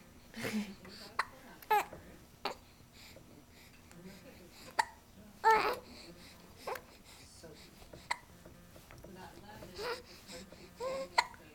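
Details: 2-month-old infant in a swing with hiccups: short, sharp hiccups every second or two, mixed with soft cooing and babbling.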